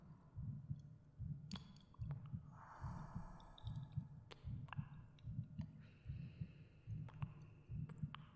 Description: Soft spoken ASMR, all 3D/binaural audio cave sound effects and my heartbeat.